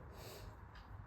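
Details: Adult man with a cold and fever who has taken medicine: two quick hissing sniffs through the nose from congestion, the first longer and the second brief.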